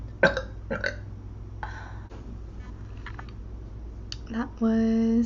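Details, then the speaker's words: Girl burping while eating: several short burps and throaty sounds with room noise, then a sustained voiced sound. "uh a little frog burp"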